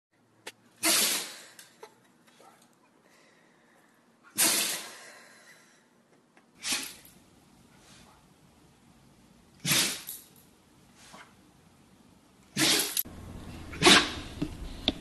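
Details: Five sharp, hissing sneezes spaced a few seconds apart, in a quiet room.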